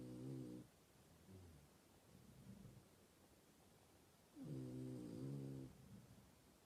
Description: My frenchie snoring his head of he’s so loud 😂😂😂